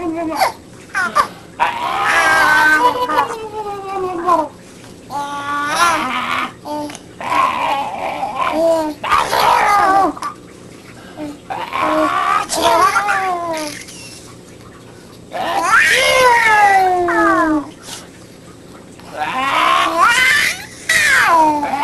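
Repeated wailing cry bursts with falling pitch, separated by short pauses for breath; an infant crying.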